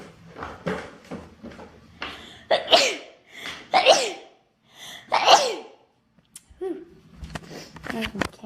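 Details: Female sneezing, tagged allergies and sinuses: three forceful sneezes, each preceded by a quick inward breath, with brief talk before and after.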